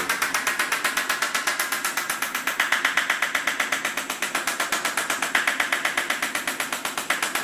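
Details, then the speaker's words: Extracorporeal shockwave therapy handpiece on the Achilles for tendinopathy, set to 1.5 bar pressure and 8 Hz: rapid, regular mechanical clicking pulses on this higher-pressure, lower-frequency setting. "so once i've done that i can then increase the pressure and then reduce the frequency so a different sound and a different amount of force going in"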